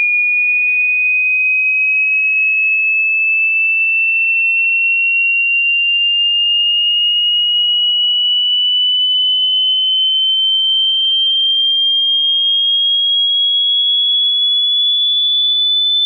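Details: Hearing test sweep from low to high frequencies, played through speakers at medium volume: a steady, pure, high-pitched tone rising slowly in pitch throughout, used to check one's hearing range.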